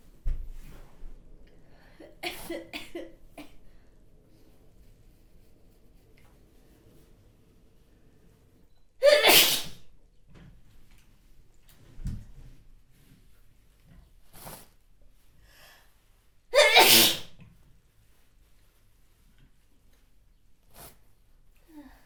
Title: spray sneezing (Sample, 4K Quality)